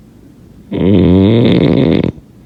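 A single loud, buzzing, rumbling snore lasting under two seconds; snoring.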